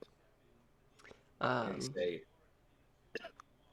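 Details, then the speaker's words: A single loud, voiced adult cough with a rough, hacking quality, followed by quiet room noise; cough. "sorry bless you more more of a hacking cough"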